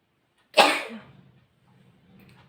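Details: A single loud, sharp sneeze followed by a brief quiet sniff, during nose blowing and sneezing.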